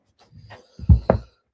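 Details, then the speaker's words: An adult man with a chest cold lingering since Christmas Day, about a week, gives two short, low, chesty cough bursts after a faint throaty rumble. "On Christmas Day, I came down with a a chest cough as you can probably hear. And I'm It's still lingering since Christmas Day, right?"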